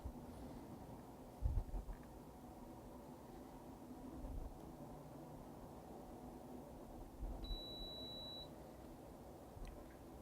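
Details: Single steady electronic beep from an automatic blood pressure cuff on an adult's first arm in a demonstration exam, signalling the measurement is complete (reading 128/75), over quiet room noise.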